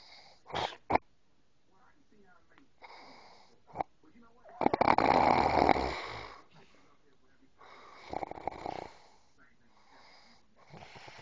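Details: Adult man asleep who denied snoring: irregular snorts and rattling breaths, one long loud snore with a whistling edge; snoring.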